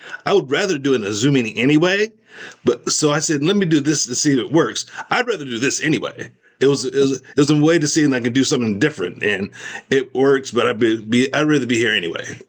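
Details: Adult male stroke survivor with aphasia after stroke; aphasia.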